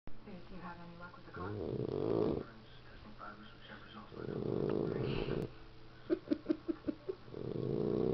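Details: 13-week-old Boxer puppy snoring while asleep after a rough day: rough, rumbling breaths with a short run of snuffling snorts between them.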